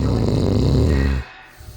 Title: literally 1 minute and 30 seconds of a old guy snoring